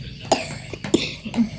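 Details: A run of three or four short, harsh coughs from a child with cough, vomiting and fever after coming home from the garden, said to have bathed in rain and played in heat, with faint room noise.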